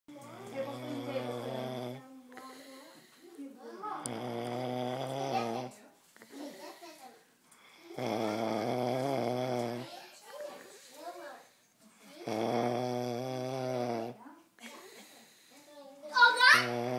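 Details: Heavy snoring: loud rhythmic buzzing, sawing snores about two seconds each, separated by quieter breaths out.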